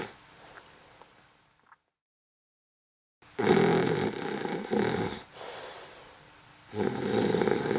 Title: Snore Sound Effect Part 2